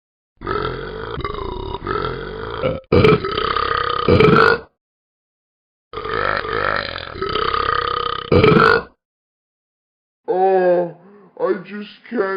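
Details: Animated talking-animal cartoon character (simulated) in a burping fit after eating too many baked beans: several long, loud, drawn-out belches in a row, ending with a short voiced sound.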